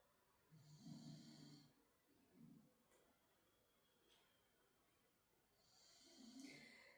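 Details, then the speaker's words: A sleeping dog snoring in a quiet room during a yoga class: low, rumbling snores, about three in seven seconds, with soft breathy noise between them. "So again, I promise if you can hear snoring throughout these shapes, it is not me. It is Ara, I promise."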